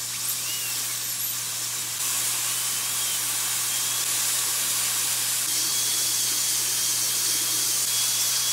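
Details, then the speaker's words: High-speed dental handpiece with water-spray coolant removing decay from interproximal cavities between front teeth on a mannequin, before a composite resin filling: continuous high-pitched hiss and whine. "Le forage commence ! Pulvérisation d'eau comme liquide de refroidissement La décomposition est soigneusement éliminée."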